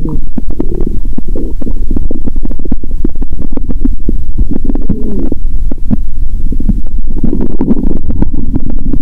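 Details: Continuous loud gurgling, bubbling, clicks and rumbles through a stethoscope on the abdomen after eating Mentos and drinking cola, following a fast of over 15 hours: very active bowel sounds.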